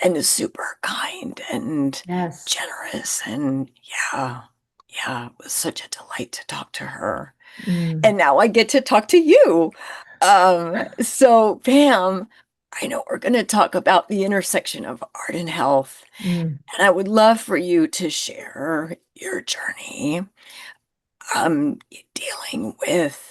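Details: Woman with self-reported spasmodic dysphonia who finds phone calls challenging; conversational interview speech showing spasmodic dysphonia.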